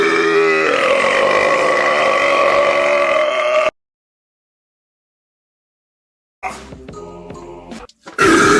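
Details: Burping: one long, loud, drawn-out burp lasting several seconds, then silence and shorter rough sounds, from a nearly two-minute recording of mostly silence.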